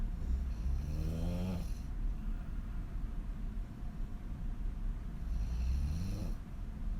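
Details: Woman sleeping on her back with mouth wide open: deep, rumbling open-mouth snores rising in pitch at the end, about 11 breaths a minute, over steady low background noise; heavy snoring.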